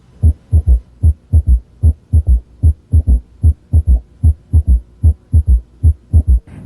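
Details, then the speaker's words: Example S3 at the apex with the patient rolled partly left: regular low heartbeat near 75 a minute, with a soft extra thud after S2 that disappears with firm bell pressure and returns with light pressure. "now notice how the third heart sound disappears when the Bell is placed more firmly on the chest wall listen again with light pressure with firm pressure and once again with light pressure"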